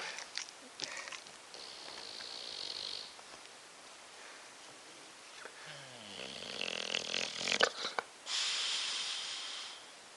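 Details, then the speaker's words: Sleeping bulldog snoring: noisy, irregular rasping and snorting breaths with hissy bursts of airflow. "Bobby. Bobby. Bobby. Stop snoring. Shit. He's snoring."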